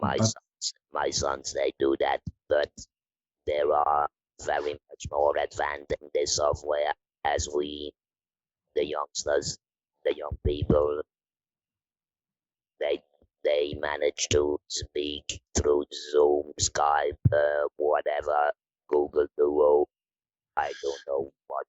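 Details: Electrolarynx speech from a 66-year-old man, a musician, about eight months after total laryngectomy in February 2020, using a neck-held electrolarynx (Inspiration model) with a button controlling pitch and intonation.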